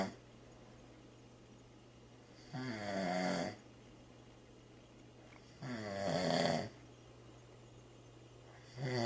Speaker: I've been trying to sleep for an hour